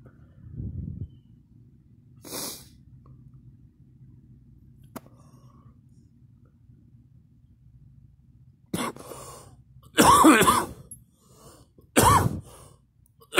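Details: Person coughing and gagging: quiet breaths, then a few loud, harsh cough bursts with gagging at irregular intervals.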